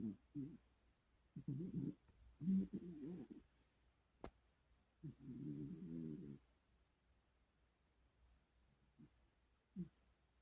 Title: Kitty dreaming and snoring